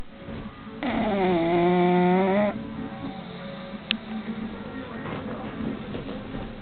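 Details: 1-year-old female bulldog snoring while asleep: one long, loud, buzzy, pitched snore lasting about two seconds, then quieter breathing noise, snoring.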